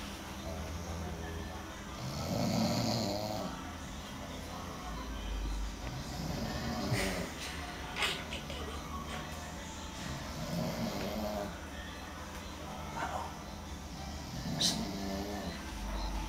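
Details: Soft, rhythmic snoring breaths from a sleeping animal with its mouth closed, with faint music and room noise in the background; snoring.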